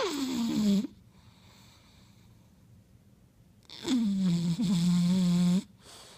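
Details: Two long, whistling, squeaky snoring breaths with a high-pitched tonal quality, separated by a quiet pause, from a bulldog.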